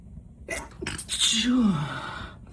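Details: A man sick with a cold for almost three weeks tickles out an itchy sneeze by a fireplace: a quick indrawn breath, then a single forceful sneeze ending in a voiced 'choo'; sneezing.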